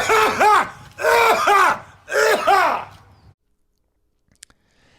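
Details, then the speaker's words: Three drawn-out, voiced mock coughs from an adult imitating a woman who coughed in police officers' faces; not a real illness cough. "she gets upset and coughs in their face"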